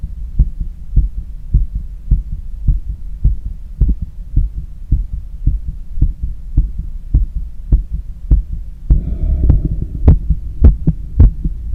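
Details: Normal heart sounds on stethoscope auscultation during cool down after a long run: steady, quick heartbeat about 105 a minute, with breathing noise near the end.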